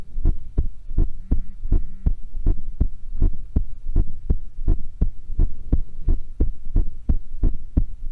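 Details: Heartbeat recorded while playing a horror game: steady, regular lub-dub at about 83 beats per minute over a low hum; a scream is also heard.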